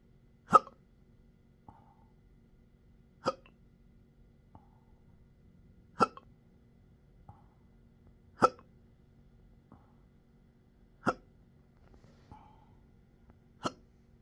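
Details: Sharp hiccups roughly every two and a half seconds, with faint softer catches between them, in a patient with intractable hiccups, belching, choking spasms and developing achalasia III since December 2015, occurring in 12-hour episodes daily.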